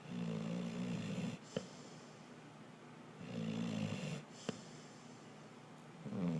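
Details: Snoring in a sleeping animal: rough, rattling snores on each in-breath with quiet out-breaths, about 20 breaths a minute.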